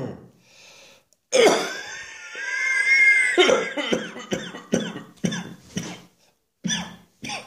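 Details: Adult's New Year's Eve morning coughing fit following an earlier one, as often happens once the lungs are stimulated: a long harsh rattling cough, then a run of sharp repeated coughs.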